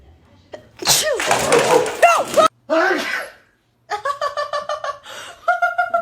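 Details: A person sneezing near a cat: a sharp intake, then a loud explosive sneeze and a second burst, followed by the cat's repeated meows.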